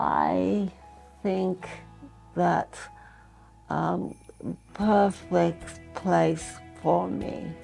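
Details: Adult woman with expressive aphasia after an ischemic stroke in March 2023, linked to heart arrhythmia, with right arm and leg weakness, in post-acute rehabilitation; expressive aphasia.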